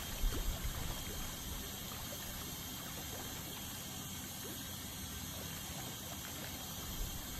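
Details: Dental scaling at a dental clinic: continuous hiss and spray from an ultrasonic scaler removing tartar, with faint scraping clicks; ultrasonic dental scaling.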